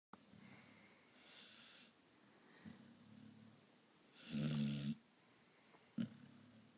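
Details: Sleeping dog snoring loud: soft low rumbling snores with a few louder snorts over faint room noise.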